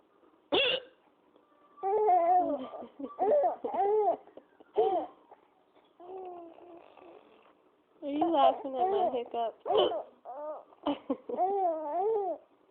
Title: Laughing at my crazy hiccups